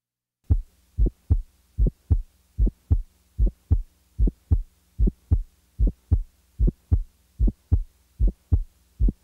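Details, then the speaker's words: Patient with mild aortic stenosis: regular heartbeat about 75 a minute with a crisp, high-frequency click just after the first sound, an aortic ejection sound. "sound the following example was was taken from a patient with mild aortic stenosis"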